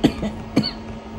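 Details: Cough from an adult woman (grandmother) who says she has a cough while eating ice cream cake; two sharp coughs with a smaller burst between, over a faint steady hum.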